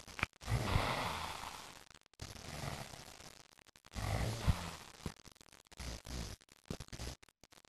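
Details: Snoring from a sleeping female dog: loud, rough, low-pitched rattling breaths in long drawn-out waves, then shorter puffs.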